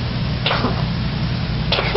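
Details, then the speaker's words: Cat coughing, typical of feline asthma or chronic bronchitis: two soft, dry, slightly musical coughs with some mucus brought up into the mouth and swallowed, not productive in the traditional sense. "to swallow another one so qui tam dry sounding cough but with some productive mucus"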